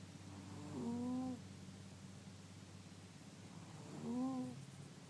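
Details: Pet cat asleep in front of a heater on a cold winter night, snoring loudly: two soft, drawn-out nasal snores about three seconds apart over background hum; snoring.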